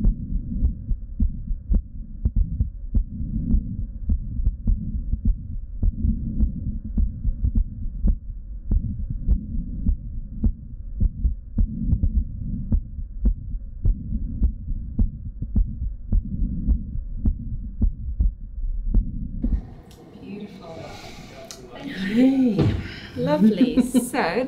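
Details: Adult woman with lipoedema, heart heard through a stethoscope using both bell and diaphragm over the aortic and pulmonic areas: steady heartbeat with a soft whooshing diastolic murmur between beats and an extra low fourth heart sound.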